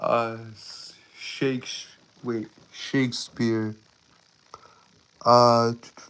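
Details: Male streamer with a self-reported speech impediment causing stuttering and tripping over words; stuttering.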